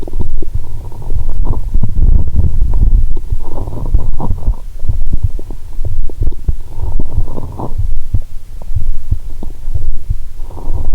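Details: Stethoscope recording of the belly while lying down, after drinking cola and swallowing Mentos: low, irregular rumbling and gurgling with bursts of bubbling and some thumping; heartbeat also audible; active bowel sounds.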